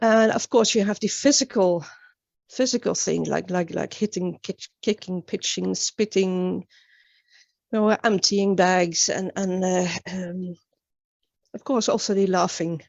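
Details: Real adult woman, an international stuttering advocate from Sweden, with stuttering that began at age nine, speaking in a public talk. The finding is stuttering.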